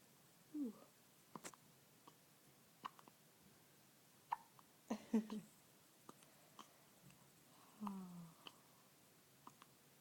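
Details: Infant with hiccups: small, sharp, squeaky catches a few seconds apart in a quiet room.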